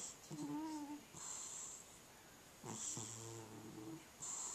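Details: Sleeping cat said to have sleep apnea: noisy snoring breaths with a pause of over a second between them, consistent with snoring with breathing pauses.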